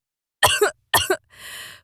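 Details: Voice actor's staged cough: two sharp acted coughs followed by a breathy exhale, performed rather than spontaneous; cough.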